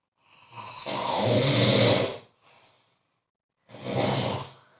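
Loud, rough, rattling snore on inhalation, then a quieter breath and another snore; ordinary heavy snoring.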